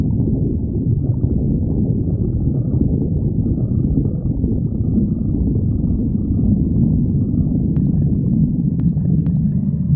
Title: stomach growling 29